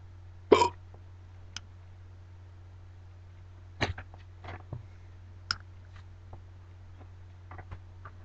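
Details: Quiet, sharp sounds recurring every second or two over a steady low hum; hiccups.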